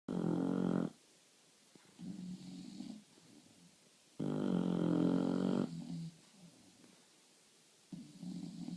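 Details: Two English bulldogs snoring: loud rattling snores on each in-breath with softer snorting on the out-breath, slow and regular, typical flat-faced dog snoring.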